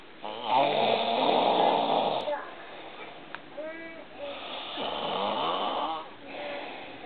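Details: Flip, exhausted after three days at the hospital, fell asleep before reaching bed and snored: loud, rattling snores, about three long cycles with quieter breaths between.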